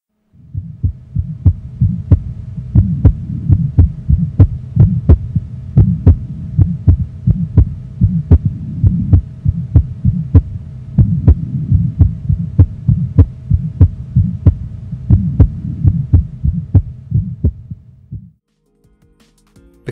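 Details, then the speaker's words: Heart, rapid regular beat: soft, vibratory, low-to-medium pitched, low-intensity mid-systolic crescendo-decrescendo murmur, best heard with the stethoscope bell; innocent Still's murmur. "as you heard the murmur has a low to medium pitch is of low intensity occurs in mids and has a crescendo de Crescendo configuration"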